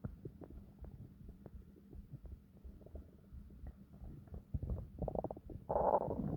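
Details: Continuous low bubbling and gurgling stomach growls building into a louder rumble near the end; normal bowel sounds (borborygmi).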